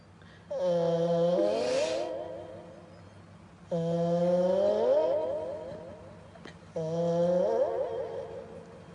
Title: Cat has a smooth sound of snoring!!! #subscribe #reels #follow #viral #funny #adorable #cat #youtube